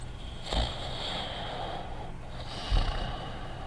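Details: Simulated quiet snoring from the Dogtanian cartoon (Fafa the Explorer): two soft, low snorts a couple of seconds apart over a steady hiss from the soundtrack.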